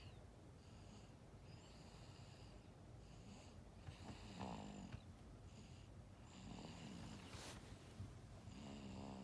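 Soft, quick, rattly snoring breaths under steady room hiss and faint high tones; a small animal snoring in sleep.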